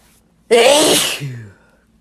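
One loud, explosive wet sneeze with a sharp hissy burst that fades into a short voiced tail; an ordinary sneeze.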